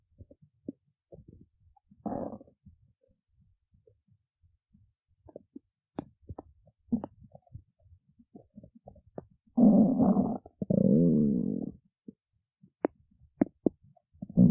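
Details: Scattered faint clicks and gurgles, then a loud, drawn-out groaning growl lasting about two seconds, in a person awake since early morning; stomach growling (borborygmi).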